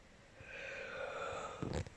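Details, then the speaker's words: Snoring and sighing heard nearby in the room while the speaker points it out; snoring. "Eh, psst, psst. Vous l'entendez sur ronfler, soupirer."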